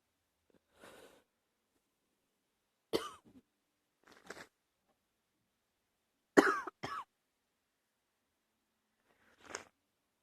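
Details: Light coughing with a cold: a few short, dry coughs and throat clears, some in quick pairs, with a faint sniff, in a quiet room; person sniffling a lot.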